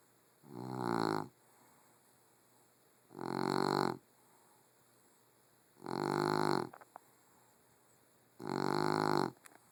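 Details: Female Puggle (small dog) asleep, her loud, rumbling snores coming about every 2.7 seconds, roughly 22 a minute, with quiet between them; snoring.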